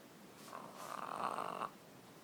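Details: French bulldog snoring loudly enough to wake herself up: one loud, rasping snort-snore lasting about a second, then quiet.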